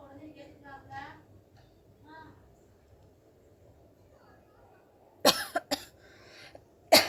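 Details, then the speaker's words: Coughing instead of sneezing during a sneezing challenge, provoked with cotton buds in the nose: quiet speech, then two short coughs and a later single cough in a quiet room. "ரொம்ப இருமல் தான் வருது, தும்மல் வர மாட்டேது."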